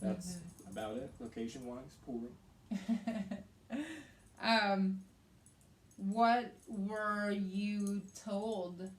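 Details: Adult woman with aphasia and right-sided hemiparesis after a hemorrhagic stroke in May 2020, treated with brain surgery and an ICU stay; the aphasia also affects reading and writing. Aphasia.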